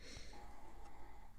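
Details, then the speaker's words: Sleeping dog snoring: faint, low snorting sounds under quiet room noise. "so this could be getting a lot of like snail mail emails text messages if you hear snoring it's my dog i promise"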